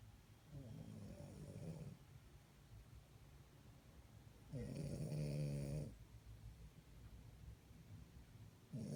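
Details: French Bulldog sleeping: two loud, rattling, low-pitched snores on the in-breath with quiet breathing between.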